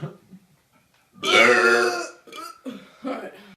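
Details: A person gives a loud, drawn-out voiced belch of about a second, followed by a few brief vocal sounds; burping.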